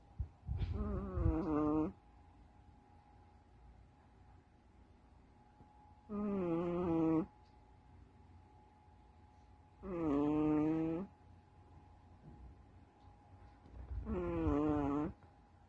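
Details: Sleeping female Chihuahua snoring after a belly rub: four drawn-out, tonal, wheezy snores at about 16 a minute, separated by quiet pauses, with a faint steady room hum.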